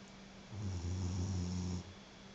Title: Ozzy Snoring!!!!!